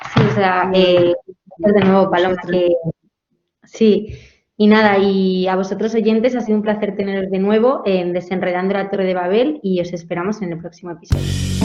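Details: Adult woman speaking Spanish; ordinary fluent speech.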